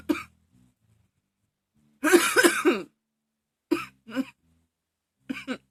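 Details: Persistent coughing fit the person says they can't stop: repeated bursts of harsh coughing and throat clearing with short gaps.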